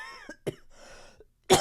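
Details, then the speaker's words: Adult gives a few short, dry coughs, the last loudest, as background music fades out at the start; ordinary coughing while talking a lot during recording. "録音しすぎだと思う。話しすぎだと思う。そうしないと、もっと咳が出始めてしまう。"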